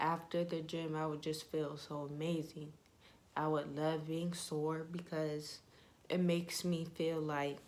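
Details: Young woman with ataxia (she says type 46), symptoms beginning in her high school junior/senior years, with leg shaking, poor balance and twitching; she reports her voice trembles whenever she talks; voice tremor (ataxia).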